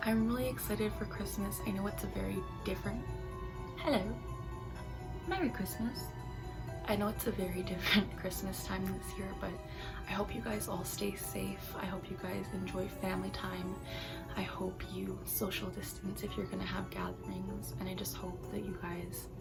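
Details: Young woman with Tourette syndrome, involuntary motor and vocal tics; a vocal tic ("hello") occurs here. Finding: vocal tic (Tourette syndrome).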